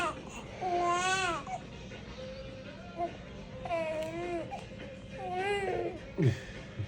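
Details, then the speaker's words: Newborn baby girl being burped for the first time: three short, thin, wavering cries with soft fussing between, over steady room hiss, an ordinary infant cry. "It's baby remember to cry like that with the shiver the shiver."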